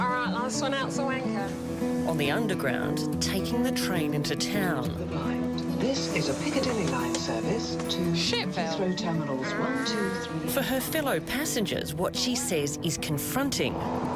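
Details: Adult narrator; typical speech.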